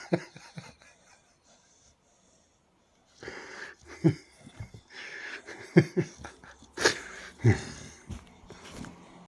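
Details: A dog snoring with irregular snorting, rattling breaths and brief grunts, broken by a pause in a quiet room; dog snoring.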